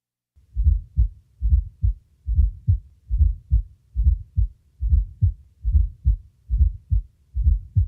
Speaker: now listen to an actual fourth heart sound recorded from the apex of a 60 year old male with cardiac disease